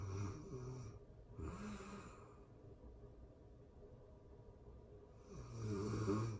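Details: Real-time recording of a person asleep, excerpted from a longer session: two fluttering snores with breathy airflow, the second louder and longer, in a quiet room; ordinary sleep snoring.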